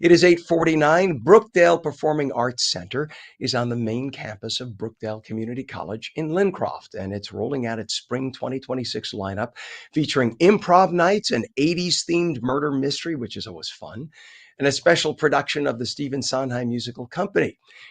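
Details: Adult male radio host; Normal speech.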